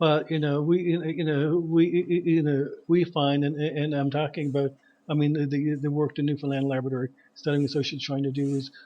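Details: Adult male who says he is a person who stutters; repeated 'a a a a' part-word repetitions heard; stuttering.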